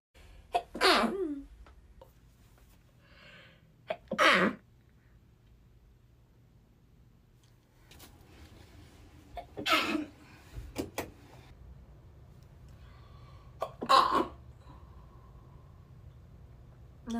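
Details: Compilation of sneezes from different Asian women: four sharp, explosive sneezes, each a brief forceful burst of air separated by quiet pauses.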